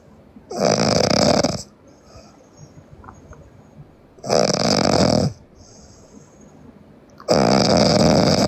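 Loud, harsh snores about every three seconds, roughly 20 a minute, with quiet exhalations between: heavy snoring in sleep.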